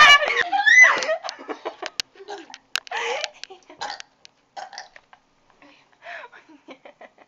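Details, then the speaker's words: Person burping after drinking soda: a long, loud burp, then a string of shorter burps with giggles; one burp made soda come up through the nose. "that was that was [Applause] gross made me cough up some soda ew the soda went down like out my nose"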